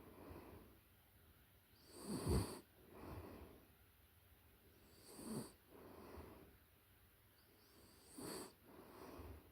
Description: This ASMR track captures the close-up, authentic audio of a puppy in a deep sleep. The soft, rhythmic snores are a natural trigger designed to bring deep relaxation and a sense of calm.